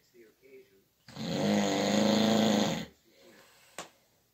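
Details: Night-time snoring disturbing a bed partner's sleep: one loud, rattling snore on the in-breath lasting about two seconds, with quieter breathing before and after.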